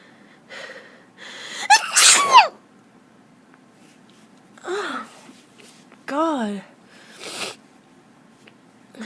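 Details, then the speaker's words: Young woman sneezing from allergies, nose itching: one loud, high sneeze with an audible in-breath, then smaller sneeze-like bursts and groans. "Still have to sneeze. Oh, my nose just itches really bad."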